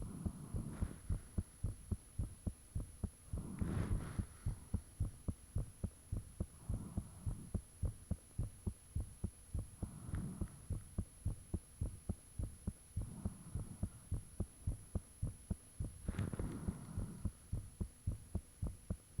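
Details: Heartbeat, self-recorded close up with the fan off after the heart became unusually thumpy: a steady, fairly fast thumping with whooshing swells and a faint high hum.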